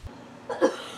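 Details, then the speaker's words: Simulated cough in a skit for a fictional cough medicine: a single short, harsh cough burst, acted rather than genuine. "Oh, that's a bad cough. Could you please get me a cough drop?"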